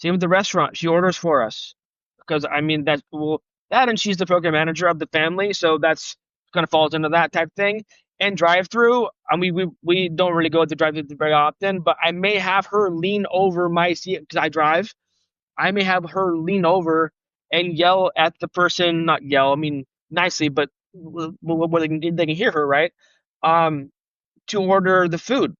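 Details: Adult male who has stuttered since age 5, with on-and-off speech therapy from grade school through college and self-esteem struggles due to stuttering; real, unscripted conversational speech showing stuttering.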